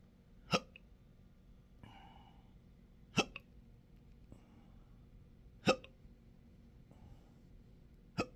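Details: Person with intractable hiccups since December 2015, with choking spasms, belching and developing achalasia III, in 12-hour daily episodes. Four sharp, sudden hiccups about every 2.5 seconds with quiet breathing between.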